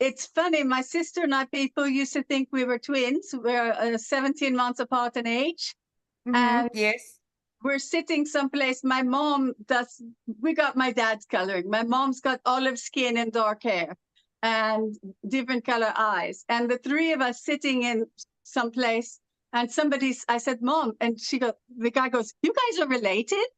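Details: Adult woman originally from California, living with foreign accent syndrome since about 2016; foreign accent syndrome.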